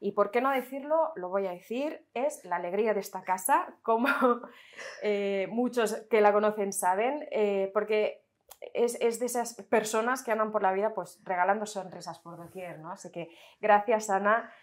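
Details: Adult woman; typical voice.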